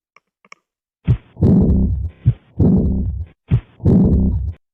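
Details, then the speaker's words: Heart sounds heard through a stethoscope in aortic regurgitation: slow heartbeat, each short thump followed by a long, loud, fading murmur. "اما بقى لو في ارتجاع في الصمام الاورطي فقعد"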